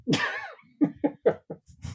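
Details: A woman's coughing fit heard in the background of a recording: one loud opening cough followed by four or five shorter, harsh coughs in quick succession, muffled by distance; described as a vicious cough.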